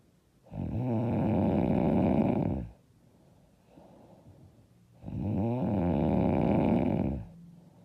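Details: Loud, hard snoring: two loud, rough, vibrating snores on breathing in, each about two seconds, with quieter breathing out between them.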